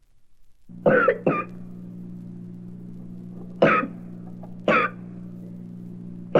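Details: Dry cough, from a 1967 recording of babies' sounds for expectant and new parents.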